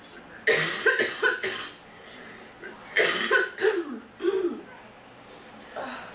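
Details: Girl with a very sore throat coughing in repeated clusters of short, rough coughs, about eight in six seconds, with brief pauses between bouts.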